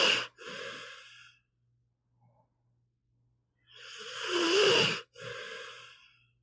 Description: Here is an hour of my pitbull, Meatball snoring.